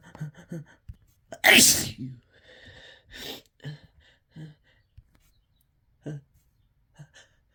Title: Really desperate, harsh sneezes